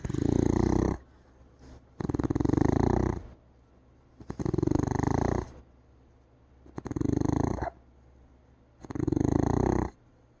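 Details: Beagle dog asleep on a couch, snoring and snorting: loud rattling snores on each breath, about 28 a minute, steady and rhythmic throughout.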